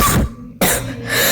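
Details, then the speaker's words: Two short, harsh cough bursts close together with a brief quiet gap, from a young person with a current real cough, possibly with fever; cough. "Oh, and this is about me getting a cough which is also uh happened in real life just now. Uh I still have a cough."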